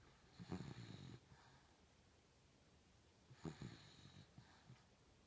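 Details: Sleeping Beagle: two soft, fluttering snorts with breathy tails about three seconds apart over quiet room noise; light snoring.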